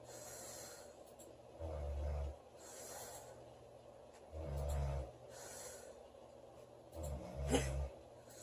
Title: Loud girl snoring July 12 2017